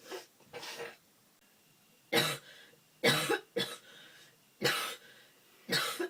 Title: Colds (Cough)